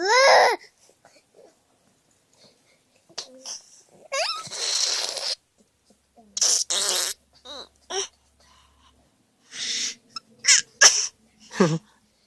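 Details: Young child imitating a sick father's cough.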